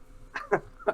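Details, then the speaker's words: A cat sneezing faintly in the background during a spoken gaming discussion. "that's my cat sneezing in the background if you can hear that"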